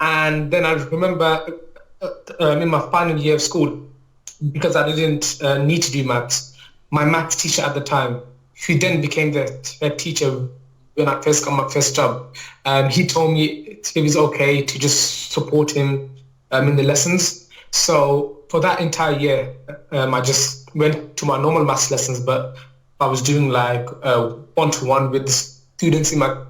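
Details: Adult male teacher with a stammer since childhood, which he describes as neurological, mainly blocking on words and sounds and worse when nervous; stuttering (stammer).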